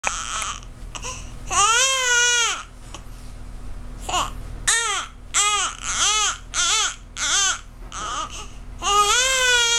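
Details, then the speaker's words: Baby girl crying in rhythmic, rising-and-falling wails with short breaths between, about a hundred cries a minute, while sucking on an arm; hunger cry. "She's hungry. She's sucking my arm."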